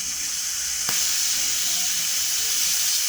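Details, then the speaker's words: Dental air-water syringe used with air and water together, creating a nice spray to rinse teeth during a sealant procedure (typically done on children); steady high hissing spray. "We're gonna use the air and the water at the same time. It creates a nice spray."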